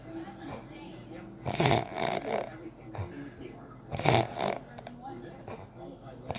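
Rough, rattling snores in a couple of bursts over a noisy room background; snoring during sleep.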